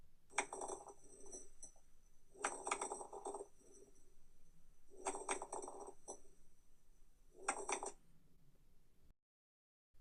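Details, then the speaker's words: Brief, regular crackling pops at the end of inspiration, predominant in dependent lung zones, caused by fluid in the alveoli, as in pulmonary oedema; crackles. "causée par la présence de liquide dans les alvéoles pulmonaires ils sont par exemple retrouver lors d'un no ap"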